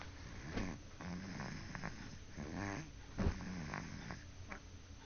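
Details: Snoring: low, rumbling snores with nasal snorts over a few seconds of sleep breathing.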